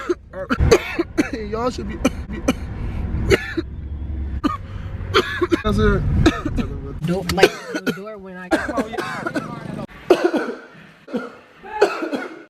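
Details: An adult's short, harsh coughs and throat-clearing sounds mixed with speech over low vehicle rumble: cough.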